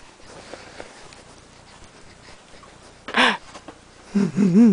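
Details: After a quiet stretch, one brief, sharp sneeze burst, followed by a short voiced coo, from an infant aged 11 weeks and 2 days: a single infant sneeze.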